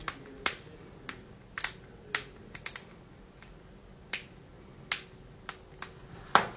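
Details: Joint cracking (cavitation).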